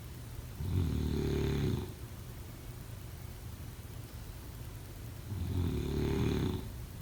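Two long, low, rattling snores on the in-breaths, about four to five seconds apart, with quiet breathing between them.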